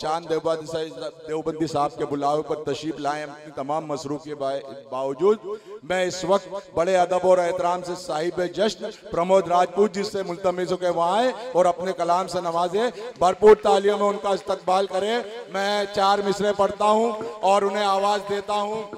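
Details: Adult male speaker; ordinary speech.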